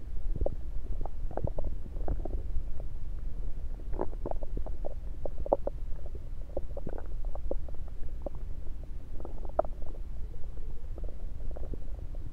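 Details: Stethoscope moved around the belly: frequent low gurgles and rumbles; ordinary active bowel sounds.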